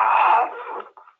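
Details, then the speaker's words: Adult male snoring on a take-home overnight sleep (EMG) recording: one harsh, rattling breath noise that fades out; described as real issues with snoring and breathing. "I hope you can hear this because this guy has some real issues with the snoring and is breathing can you hear that"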